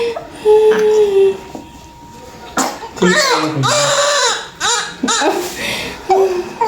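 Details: Newborn, the mother's third baby, delivered vaginally at about 39 weeks and covered in vernix, crying vigorously right after birth: high, wavering cries mixed with adult voices in a delivery room.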